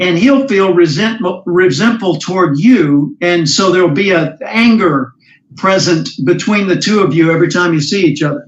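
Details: Adult male speaker; no speech disorder.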